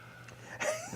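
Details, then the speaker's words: Adult man with an allergic reaction (scratchy throat, red eyes, sniffling) gives a brief breathy wheeze with a thin rising tone during a podcast recording. Wheezing. "and you'll hear me wheezing back and forth all the time so and sniffling so hence the the lovely tissue box here as well"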